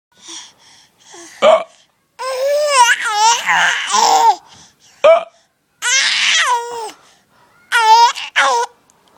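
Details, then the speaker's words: Baby hiccuping: short sharp hiccup sounds, about four in nine seconds, between bursts of adult laughter; harmless infant hiccups. "What? What? Are my hiccups not funny anymore?"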